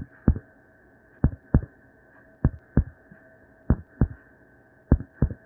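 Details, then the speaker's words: Simulated normal heart sounds, faked with a stethoscope/microphone technique, paired lub-dub about 50 a minute: S1 from mitral and tricuspid valve closure, S2 from aortic and pulmonary valve closure. "a normal heart has two sounds the first made up of the mitral and tricuspid valves closing marking the start of the ventricles pumping they eject the blood and then the aortic and pulmonary valves closed causing the second heart sound it sounds like this"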